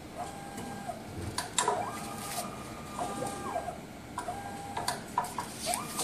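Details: MSLAB07 automated blood analyzer running a background check via the sample test button before sample testing. Repeated motor whirs, sliding movements and clicks in a quiet room.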